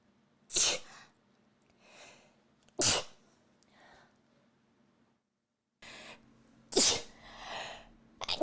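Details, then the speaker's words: Adult woman sneezing repeatedly since having something put up her nose; three forceful sneezes with soft breaths and murmurs between, over a faint steady hum. "sorry i don't know where the last one went i need to sneeze again"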